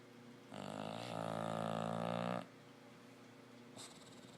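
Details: Female bulldog asleep; a long, loud, buzzing snore lasting about two seconds, then a brief snort; snoring.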